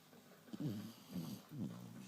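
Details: Sleeping Springer Spaniel giving three low, rumbling, fluttery breath sounds in quick succession, each rising and falling: snoring.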